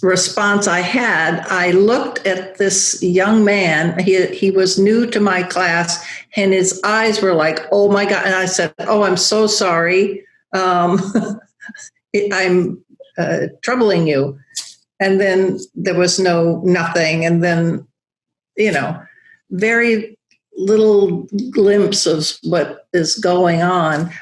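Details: Aphasia after a large stroke affecting Broca's area in a woman who teaches yoga; she still has word-finding trouble and halting speech.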